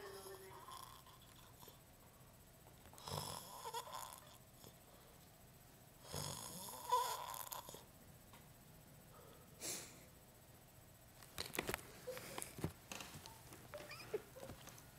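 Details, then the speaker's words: Snoring from a man, asleep on a couch, who slightly woke up: loud, rough snoring breaths every few seconds, about 15 a minute, in a quiet room; ordinary snoring. "So asleep, and I'm gonna videotape him because he's snoring."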